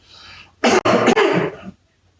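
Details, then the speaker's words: Two quick, dry, voluntary coughs by an adult man, muffled into his elbow in a quiet room; a simulated cough demonstrating droplet-precaution cough etiquette. "So just to make sure I did a good job of showing you that, do you mind showing me how you would cough or sneeze and sneeze in the future?""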